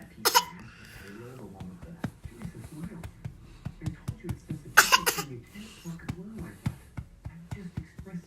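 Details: An infant gives two short, deliberate fake coughs amid soft vocal sounds and an adult's voice; a voluntary cough.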